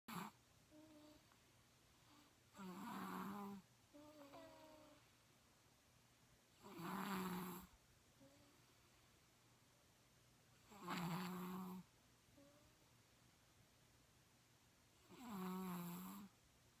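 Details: Slow, regular rumbling snores on the in-breath, about four across the clip, roughly 14 breaths a minute, with quiet breathing between; snoring.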